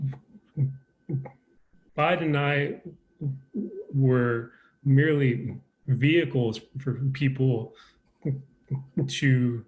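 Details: Adult man with a lifelong stutter, a person who stutters, speaking in a real conversation: stuttering.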